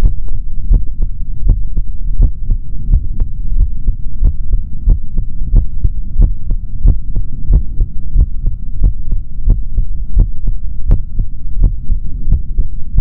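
Steady, regular low thumps of a heartbeat through a stethoscope, about 100 a minute, with a faint hum beneath; normal heart sounds.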